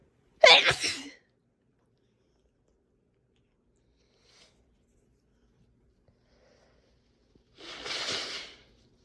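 Two sharp, explosive sneezes several seconds apart, with quiet between them.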